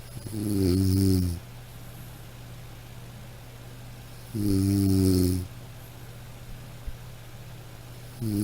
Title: Snoring sound